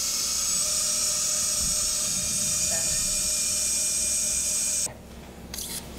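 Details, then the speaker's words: Powered surgical drill passed through an existing drill hole to the far cortex during a toe unfusion procedure, converting a toe fusion or painful non-union to a hemiarthroplasty; steady high-pitched bone-drill whine for about five seconds, then stopping. "So what I'll do is I'm going to take my drill. I'm going to use her old drill hole right here and just go through it, but to get to the other cortex."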